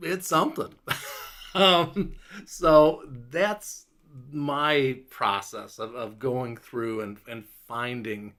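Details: Adult man five years after a stroke, with a clot in Broca's area of the left frontal lobe; largely recovered speech with word-finding difficulty, pauses, slower rate and stumbling over words; Broca's aphasia.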